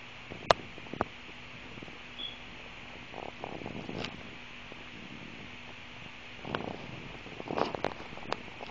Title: Stomach noise with soda